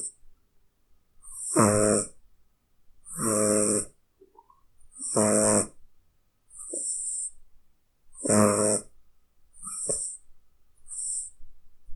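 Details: Snoring cat, sound effect: rhythmic, buzzy snores from a sleeping cat at about 33 breaths a minute, with soft hissing between breaths.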